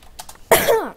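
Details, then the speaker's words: Adult man (dad) in the background coughing: a single sharp, harsh cough burst preceded by faint breathy noises. "I'm just talking to a fact remember right now so if you can hear any background noise dad's coughing"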